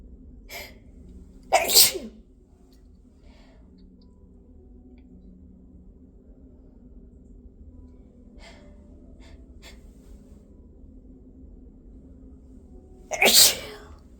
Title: Hitchy induced sneezes